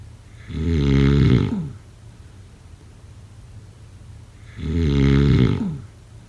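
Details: Two loud, deep, rattling snores on inhaling, about four seconds apart, with quiet breathing out between them; adult snoring.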